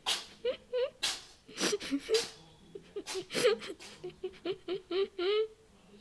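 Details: Cat with hay fever in summer sneezing a lot: a quick run of short, sharp nasal bursts close together, with a few soft chirpy sounds in between.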